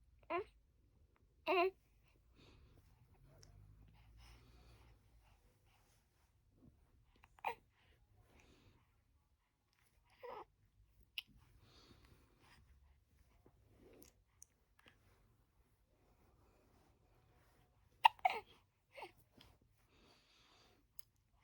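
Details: A baby boy with hiccups he can't stop: brief, abrupt little voiced catches every few seconds, with soft baby sounds between, in a quiet room.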